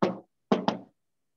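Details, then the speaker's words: Vocal imitation of a fourth heart sound (atrial gallop): three knocking taps in the 'Kentucky' cadence, the first beat being the S4, followed by the usual first and second heart sounds. "this is Kentucky so the first Ken is a for sound then the usual will follow"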